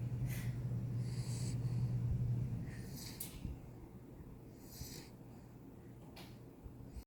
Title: 4 month snoring pit...... wth lol